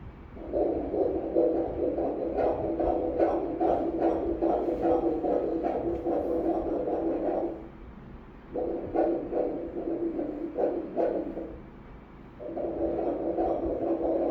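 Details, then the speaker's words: A fetal heartbeat on Doppler during a second morphology ultrasound, baby in breech (sitting) position. The heartbeat is rapid, regular and whooshing, rate 146 beats per minute, and the heart is normal. "Certinho, a frequência cardíaca 146. Coraçãozinho perfeitinho."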